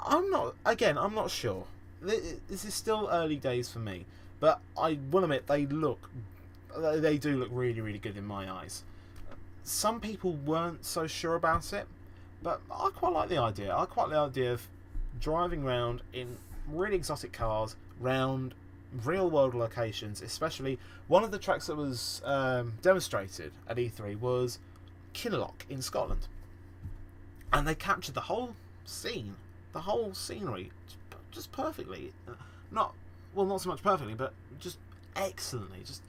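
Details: Real, self-reported stammering and stuttering in a male podcast host; finding: stuttering.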